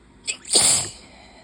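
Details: Allergic sneezing on a high-pollen day with an open window: a short in-breath, then one sharp, hissing sneeze burst.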